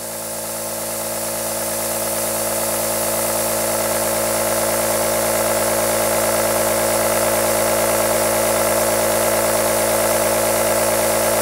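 Steady loud buzzing motor drone with a fast rattle: an aerosol nebulizer compressor running continuously.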